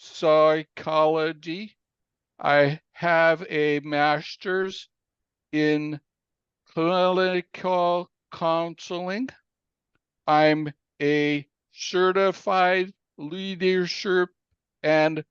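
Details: Aphasia in an adult man following a stroke in April 2019 that came after a cardiac arrest; aphasia.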